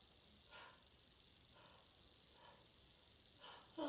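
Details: Itchy nose: four soft, breathy catching inhalations, like false starts before a sneeze, with a sharper burst at the end; pre-sneeze hitching, some sneezing.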